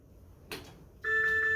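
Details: Brief click, then a steady two-tone beep from a Servo-U ventilator when standby is held, prompting confirmation before ventilation stops; ventilator cannot sense if a patient is connected.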